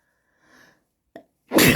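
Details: A soft nasal intake and brief catch, then a loud explosive sneeze cut off at the end, from a very snotty head cold with nose blowing and handkerchief.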